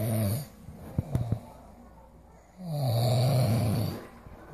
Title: Daddy snoring like a tiger